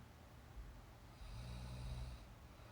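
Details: Girl napping on a sleep stream with real snore sound; a low, rattling snore about a second long rises during an in-breath over quiet room hiss, ordinary snoring in sleep.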